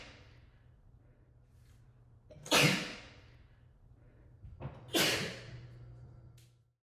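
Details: Two forceful sneezes, each with a quick in-breath before the burst, in an echoey room: part of a rapid sneezing fit.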